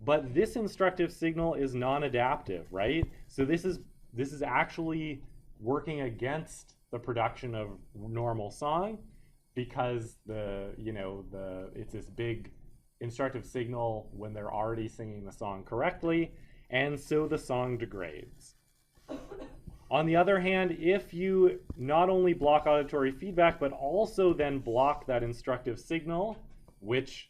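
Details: Adult male lecturer; normal speech.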